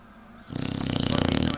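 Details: Female Aussie Bulldog snoring while asleep with eyes open, very loud: a loud, fluttering, rattling snore on one long breath; snoring.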